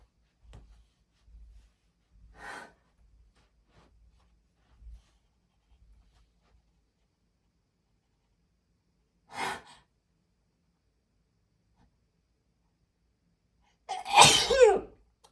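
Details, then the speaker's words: Sneezes triggered by an incense stick in a person with allergies: quiet breathy catches, then two sneezes, the last one loud and forceful, in a quiet room. "oh God I lost that one that was going to be a really big sneeze that was that big sneeze"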